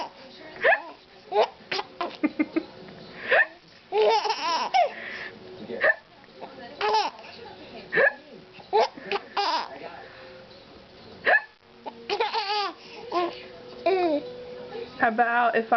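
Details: A child copying an adult's hiccups while laughing: repeated brief hiccup-like gulps mixed with child laughter, babbling and an adult voice; playful imitation rather than true hiccups.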